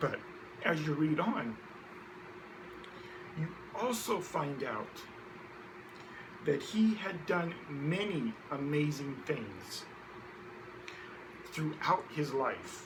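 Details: Adult man who identifies as a person who stutters, speaking with long pauses between phrases; stuttering.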